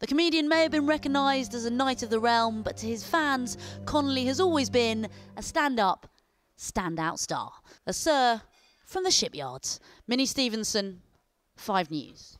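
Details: Adult woman, news narrator; Normal speech.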